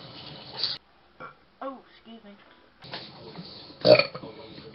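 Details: A woman burping, from a compilation of her burps, farts, grunts and moans: several short, low, gurgling belches separated by quiet gaps, with some room noise.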